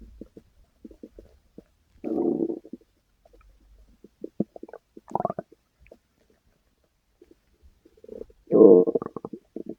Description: Anyway, here's a short video I managed to record while he was still growling.